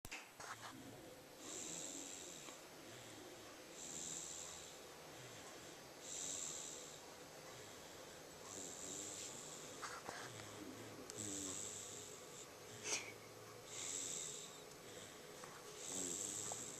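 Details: About one year old, sleeping: soft, regular hissing snores with each breath, about 14 a minute, over steady room noise; quiet snoring.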